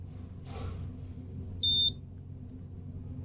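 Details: Glucometer testing a venous blood sample drawn for comparison with a lab test: a single short, high-pitched electronic beep over quiet room noise signalling the reading, 115 on the meter.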